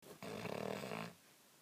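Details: Hound dog snoring: a single low, rattling, throaty breath lasting about a second.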